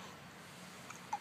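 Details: Baby hiccupping.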